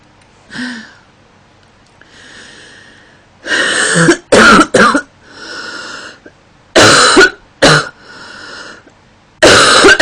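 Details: About six loud, harsh cough bursts from a female, some in quick pairs, with quieter throat sounds and breaths between; itchy nose and stuffiness mentioned in cold weather; sound-effect recording; cough.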